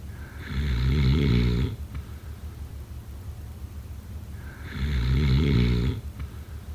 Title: #snoring #sleepnoises #sleepsounds #snoringasmr #snoringsounds #snoringsleepingsoundeffect